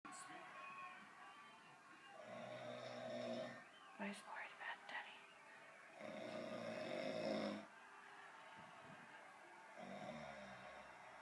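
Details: An adult man snoring after falling asleep following a 10-hour workday: loud, drawn-out snores about every four seconds with quiet gaps. A one-year-old baby reacts with soft sounds in between; faint background music.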